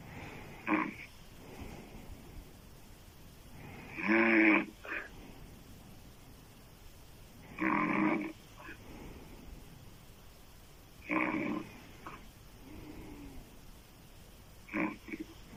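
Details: Adult woman snoring loudly with open mouth: harsh inspiratory snores about 17 a minute with quiet pauses between; heavy snoring.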